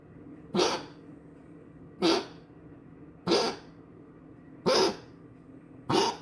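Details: Dog Rodeo coughing again: five harsh, forceful cough bursts about a second apart with quiet gaps between.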